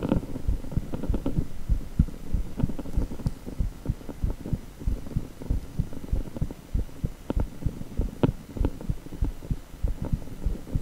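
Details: Echocardiogram with heartbeat sound: rhythmic whooshing thumps at about 97 a minute over a steady hum; Doppler heartbeat.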